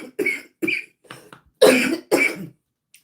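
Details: Five short, harsh cough bursts from an adult on high-dose prednisone since 2006, ending in a faint throat clear; a persistent cough that was worse at onset.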